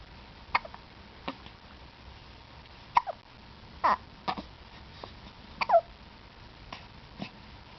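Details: Two-week-old newborn baby: repeated brief, abrupt hiccups at irregular short intervals, about nine in eight seconds, over quiet room noise.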